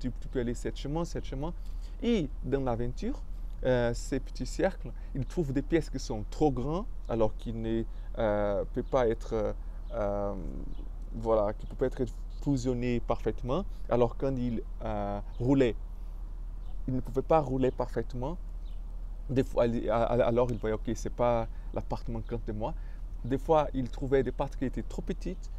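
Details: Stuttering in an adult man speaking French, who describes his stuttering as having blocked him.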